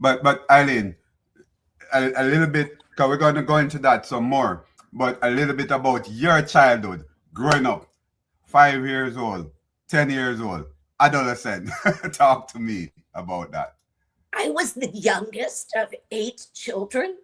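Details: Adult male host, then a second speaker; normal speech.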